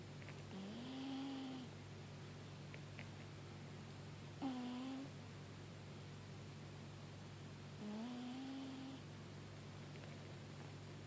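Soft, whistling, slightly rising snores from a sleeping cat, about 18 a minute, over a steady low room hum.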